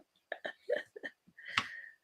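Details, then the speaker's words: Daughter who has been unwell all day sneezes: several short, sharp bursts then a longer, forceful burst in a small room; sneezing. "Yeah. Can't um you can probably hear my daughter maybe hear my daughter sneezing her head off. Yeah, she's been suffering today."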